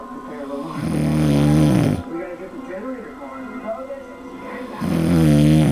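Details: Snoring: loud, rattling, low snores, two long snoring breaths with a quieter breath between them.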